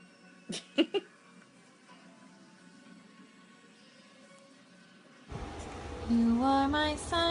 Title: Babies sneezing